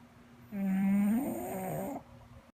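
A single loud, buzzy, drawn-out snore with a rattling, nasal quality from a sleeping dog.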